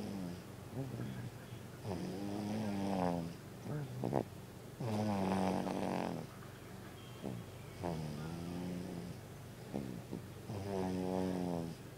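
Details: An infant snoring in a steady rhythm, with a pitched, buzzing sound on each breath in.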